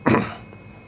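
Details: A single short, harsh cough from a 15-year-old Schnauzer, then quiet room noise; repeat X-ray two months later showed lung tumours increasing in number and size.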